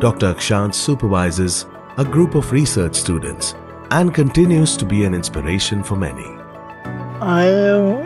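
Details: Adult male narrator; Normal speech.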